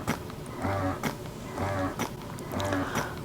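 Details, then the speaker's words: Breast pump motor running: Dr. Brown's Customflow double electric breast pump in letdown phase, suction raised from level one up to level five, producing loud rhythmic mechanical whirring pulses about once a second. "the strength or the suction of the pump is changed over on this side so right now we're on level one and we can go all the way up to level five in this letdown face and as you can hear it gets significantly louder in level five"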